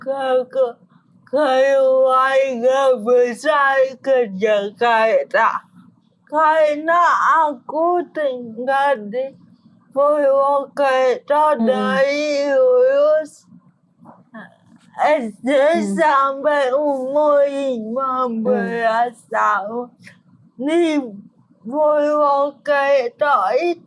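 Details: Young adult woman born in 1998 with oxygen deprivation, diagnosed at age 1 with cerebral palsy, a brain-damage motor disorder affecting gross and fine motor skills; has had speech therapy; dysarthria in cerebral palsy.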